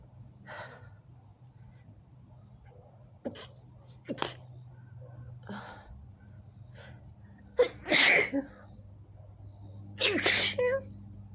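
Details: Adult woman with allergy, itchy red eyes and itchy throat: repeated sneezes in quick succession over a low room hum, the last ones loud and forceful; a sneezing fit.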